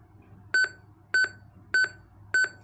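Steady, high double beeps repeat at about 100 per minute, an AED metronome pacing chest compressions.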